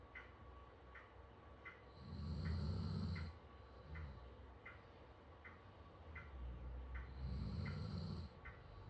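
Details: Sleeping dog snoring on his Lambchop toy: deep, rumbling snores, two long loud ones about five seconds apart with softer breathing between; ordinary sleep snoring.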